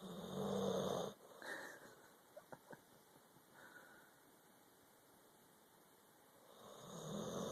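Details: Low, rumbling snores at the start and end, with a quiet stretch between, from a sleeping dog named Floyder, recorded on an Android phone; dog snoring.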